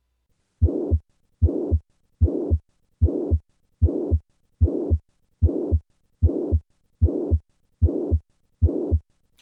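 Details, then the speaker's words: Significant mitral regurgitation in mitral valve prolapse: regular heartbeat about 75 per minute with a loud whooshing murmur filling each cycle. "listen again to the sound of significant mitral regurgitation"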